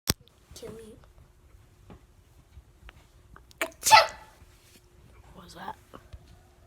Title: Boots sneezing problem